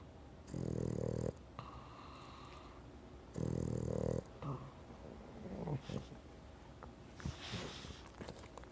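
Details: Boston Terrier snoring: two loud, low rattling snores about three seconds apart, then quieter breathing and small noises in the room.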